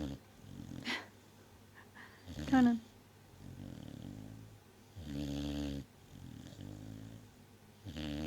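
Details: Sleeping Vizsla dog snoring loudly, only in certain sleeping positions and stopped by a nudge: rattling snores with each breath, roughly five breaths in eight seconds, with a few soft whimpers.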